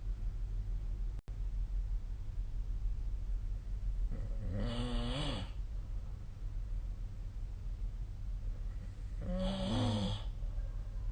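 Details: Snoring recorded during sleep: two snores about five seconds apart, each a short, low, fluttering rumble over steady room hum.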